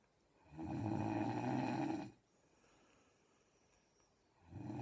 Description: Miss Piggy snore. Lol.